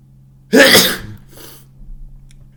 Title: Super loud and wet cold sneezes